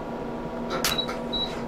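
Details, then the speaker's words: Sharp snapping clicks with brief tones over room hum: vascular laser pulses on a male patient's vascular lesion present at least 15 years, his second laser treatment, producing bruising over the lesion. "so basically what we do is we put the laser over the lesion and we can see bruising the top half okay and then we're going to do the bottom half"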